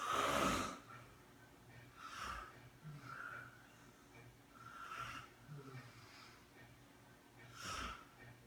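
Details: A sleeping adult friend gives a loud snorting snore and softer nasal snores, about five breaths in eight seconds; snoring.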